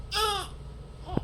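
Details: Single strong, high-pitched wail with a soft sound after it from a newborn baby girl, 3.3 kg, just after normal vaginal delivery, cord found wrapped at birth; the mother's third baby; normal vigorous newborn cry.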